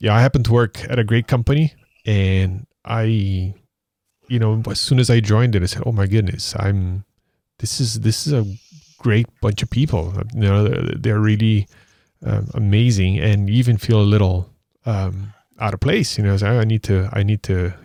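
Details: Adult man speaking; typical voice.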